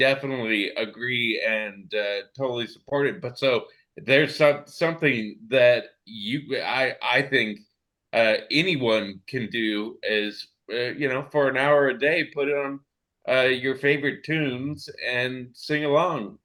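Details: Adult male stroke survivor with ongoing aphasia since his stroke, who can sing along to familiar songs without it; aphasia.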